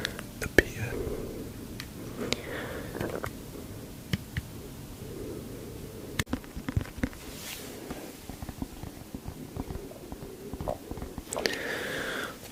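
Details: Stomach growling (borborygmi) from a compilation of clips featuring a person from Three Sheep: low gurgling rumbles with squeaky rising and falling gurgles.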